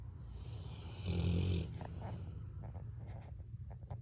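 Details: Labrador dog asleep on owner's shoulder and body, snoring: a single loud, low, rattling snore, with quiet room noise after.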